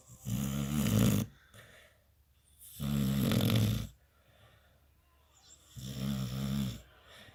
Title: Big Boy Beagle Snoring